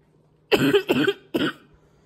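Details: Person with congestion and brutal coughs this past week, hoping their allergies clear up, gives three harsh, loud, chesty bursts with a rough, mucus-laden quality: a congested barking cough.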